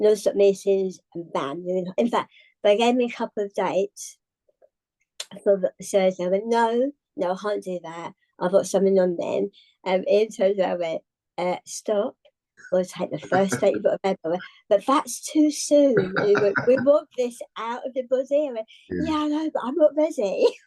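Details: Adult woman, tongue cancer survivor, with articulation impairment and swallowing problems after partial glossectomy, a second tongue resection six months after treatment, and radiotherapy.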